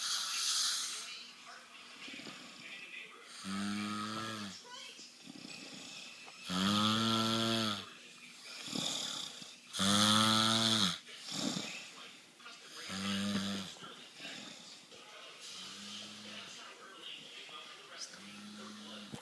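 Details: Adult man snoring: loud, tonal, moo-like snores recurring about every three seconds, roughly 19 per minute.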